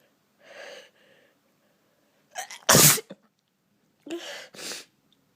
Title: induced sneezing not uploaded in a while x